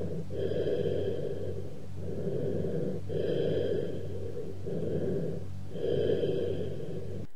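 Low, hollow breath sounds with a louder, longer expiration and a gap between phases: cavernous bronchial breathing.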